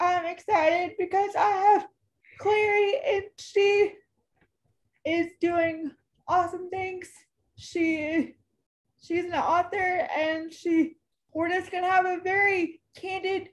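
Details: Adult woman, almost 32, with cerebral palsy who says talking is hard for her: dysarthria (cerebral palsy).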